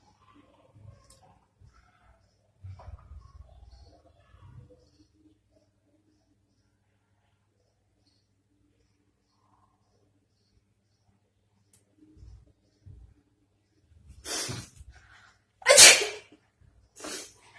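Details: Sneeze induced by putting cotton in the nose: quiet sniffs and breathing, then a building catch and a loud, forceful burst near the end.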